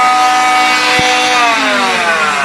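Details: An oscillating cast saw cutting off a below-elbow wrist cast with the patient's arm relaxed: a loud, steady high-pitched whine whose pitch dips slightly as it bites into the cast.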